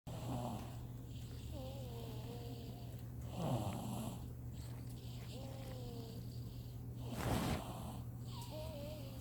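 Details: Sleeping person snoring: rough, rattling snores recurring about every four seconds over a steady low hum.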